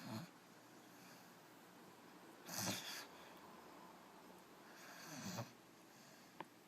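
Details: Soft, airy snorting breaths every two to three seconds over faint hiss, from a sleeping puppy; light snoring.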